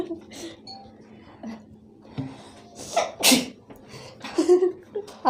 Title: indian girl sneeze attack